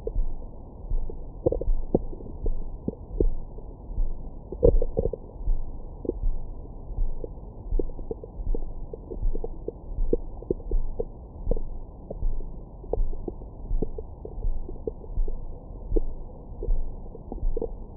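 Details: Recorded with a Stemoscope stethoscope microphone on the belly after a large meal: frequent soft gurgles and short squeaky pops over a low rumble, active normal bowel sounds.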